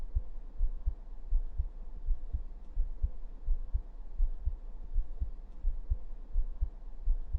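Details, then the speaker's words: Low, muffled, roughly regular thumps under a steady hum: an ordinary heartbeat heard through a stethoscope on the bared chest, in a role-play nurse vitals check of a tired, sleepless student. "so next let me check your vitals I need you to raise your shirt up no need to be embarrassed yes like that let me just use my statoscope to check your heartbeats"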